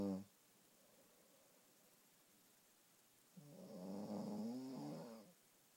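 Two low, droning snores with a long quiet pause between them, consistent with snoring during sleep.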